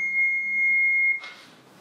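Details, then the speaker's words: An automated external defibrillator in a lay-use demonstration gives a single steady high-pitched tone lasting about a second as it analyses the heart rhythm for ventricular fibrillation; a shock is then advised. "analisando o ritmo cardíaco não tô aqui o paciente aqui ele está procurando a fibrilação ventricular aquele ritmo de parada"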